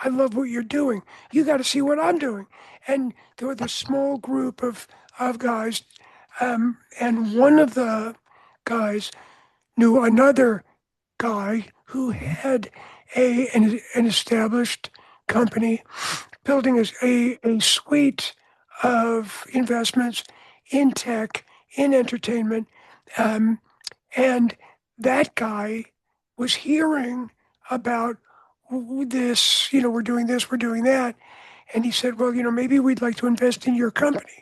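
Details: Adult man with altered voice after throat cancer treated in 1993 with surgery, radiation and two years of experimental chemotherapy.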